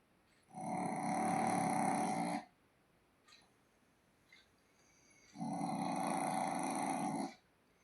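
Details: Pet dog snoring, a loud "snore motor": long rumbling, buzzing motor-like snores, two breaths about five seconds apart.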